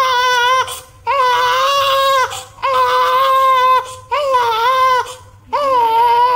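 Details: Loud, sustained high-pitched wails, about five cries separated by brief breaths, from a newborn baby boy; vigorous newborn cry.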